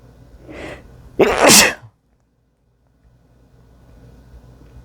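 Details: Wet sneeze onto a mirror: a short in-breath, then one loud, explosive sneeze, then quiet room noise; sneeze.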